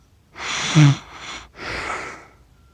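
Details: Accidental recording of an adult sleeping, self-described as snoring funny: a single snorting, rattling snore on inhalation followed by a noisy breath out.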